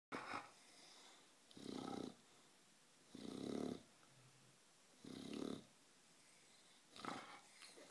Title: Snoring bulldog